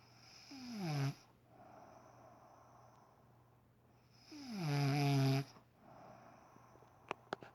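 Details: An adult woman asleep early in the morning gives two loud, rattling inhaled snores about four seconds apart, with quieter breathing between: heavy snoring during sleep.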